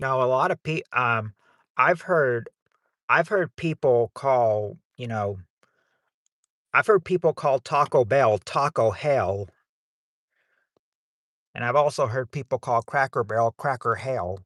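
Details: 40-year-old man who says he stutters so much that he probably repeats himself; stuttering.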